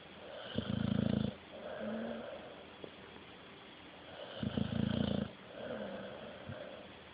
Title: My snoring pup